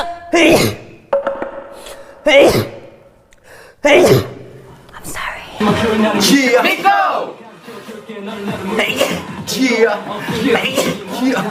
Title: sneezing